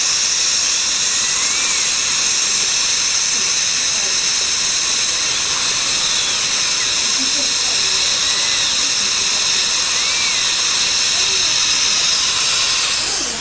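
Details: Root canal access on a crowned front tooth with a dead nerve and a large jaw-bone abscess, using lots of water: a steady high-pitched dental drill whine with a hissing water spray throughout.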